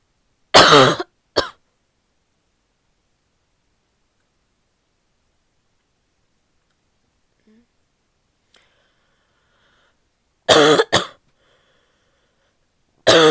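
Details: Female with a barky coughing fit: three bouts of harsh, barking coughs, each one or two explosive bursts, separated by long silences.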